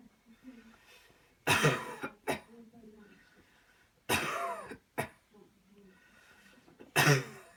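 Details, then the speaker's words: Coughing technique demonstration: a child breathes in and out deeply on a count, then coughs three times forcefully while a helper presses on the body, each strong burst with a smaller follow-up; manually assisted cough. "okay here we go let's make this count one two three put in deep deep deep deep cough there you go"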